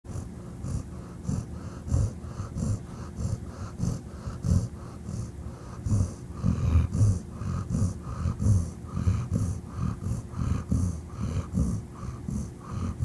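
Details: Dog asleep on owner's lap after about 90 minutes of sprinting at a park on a hot day, with loud, regular, low, rattling snores of about twenty a minute over a steady room hum.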